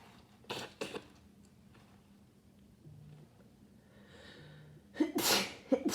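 Two quick sneezes, a pause with breathing, then a louder burst of rapid sneezes. Repeated sneezing from a cold.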